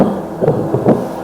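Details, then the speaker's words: Heartbeat heard with a Doppler probe placed over the chest of a student volunteer during an anatomy-physiology class demonstration; monitor showed heart rate 71/min and oxygen saturation 98%: two rhythmic whooshing pulses, normal heartbeat. "소리는 심장이 뛰는 소리 누구 소리야 소리야 심장 소리야"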